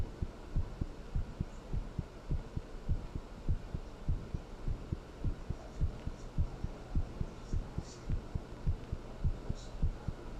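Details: Heartbeat recorded after talking with someone and then thinking about them: regular low thumps about 100 per minute over steady hiss and hum; quick but regular rhythm.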